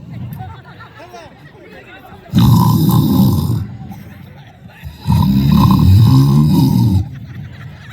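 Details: Snoring contest at a high school alumni reunion: two loud, rough, rattling snore sounds, each about one to two seconds, between quieter stretches with crowd noise.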